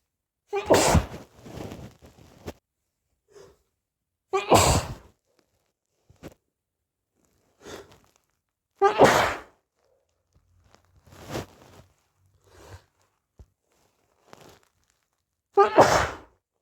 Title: itchy sneezes